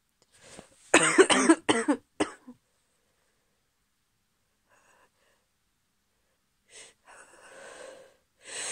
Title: Strong cold sneezes (f)